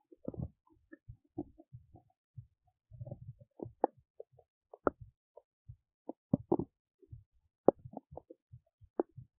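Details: Big belly noises while digesting oats: irregular soft gurgles, pops and low rumbles, ordinary digestive bowel sounds.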